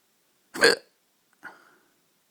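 Two abrupt, short gulping hiccups a second apart, the first loud and sharp, the second softer, in an otherwise silent room.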